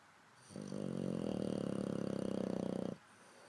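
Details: Loud, rattling, fluttering snore lasting over two seconds with rapid vibration through the breath, from a sleeping English bulldog.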